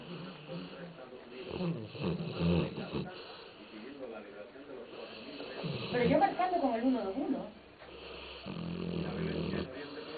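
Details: A sleeping, lazy female dog gives low snuffling snores while a woman talks in the background. Dog snoring.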